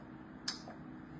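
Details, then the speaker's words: A TMS coil held over the forearm fires a single magnetic pulse, heard as one sharp click over a quiet room hum, stimulating the arm nerves so that the hand and fingers move. "So, when I put the TMS magnet on my arm, it will and I pulse it, that magnetic field is going to make the nerve cells in my arm talk to each other and make my hand move like this."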